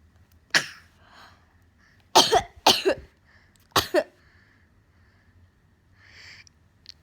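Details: A 10-month-old baby boy copies his mother's coughing with four short, sharp cough-like bursts and quiet breathy sounds between: imitated cough.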